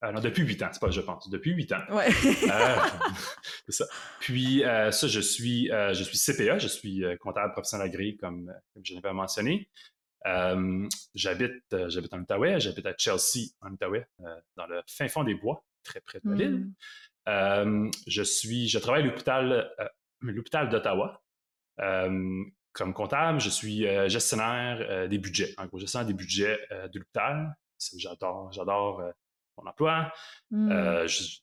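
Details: 38-year-old man with long-standing stuttering, which he says he has had for a very long time: stuttering.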